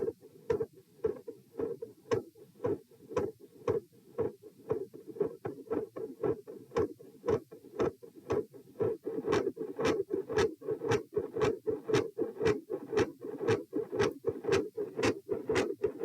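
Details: Doppler probe at position P during lying-sitting-standing-lying auscultation stress test, recorded while sitting: fast, regular heart clicks over a steady whooshing hum; multiple heart murmurs.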